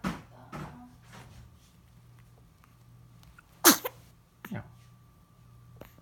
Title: hiccup & sneeze of Japanese Baby